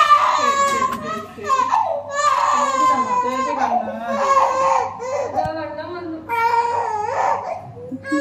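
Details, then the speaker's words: Baby girl cries loudly after ear piercing, in rhythmic sobbing bursts with catching breaths; she cried about five minutes after the first piercing and cried again when held again; a pain cry. "அப்ப பேக்ல சொன்னா expect பண்ணதை விட பாப்பா வந்து கம்மியாதான் அழுதா first குத்தி ஒரு பைவ் மினிட்ஸ் அழுதிருப்பா"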